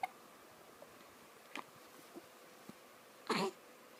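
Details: Infant hiccups: soft sharp hiccup clicks about every second, ending in a brief louder vocal burst, in a quiet room.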